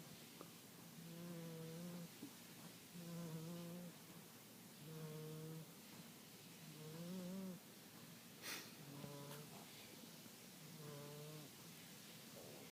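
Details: Soft, tonal snores about every two seconds, roughly 30 a minute, in a quiet room from a female sleeper whom the owner thinks needs a CPAP; snoring.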